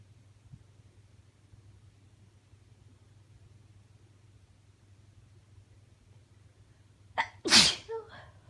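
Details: Stifled sneeze from a sick female: after quiet room hum, a short catch of breath and one sharp, partly held-back sneeze.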